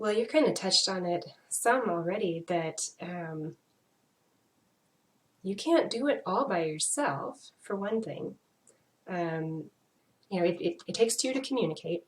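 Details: Adult woman; typical speech.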